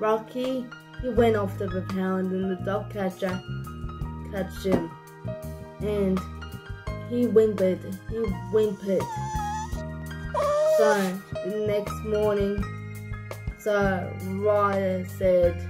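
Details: Adult storyteller; dysarthric speech in cerebral palsy.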